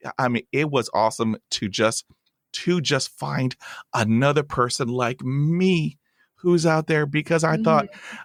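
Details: Stuttering in an adult host of a podcast by and for people who stutter.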